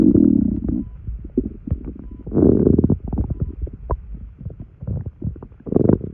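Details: Bowel sounds after drinking two sodas' worth of carbonated liquid: bursts of low gurgling and rumbling from the belly, active bowel sounds from gas and fluid moving.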